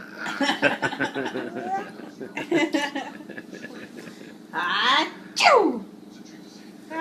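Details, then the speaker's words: Person sneezing: brief talk, then two sharp, explosive sneezes close together near the end. "Achoo! Achoo! Jew. Oh."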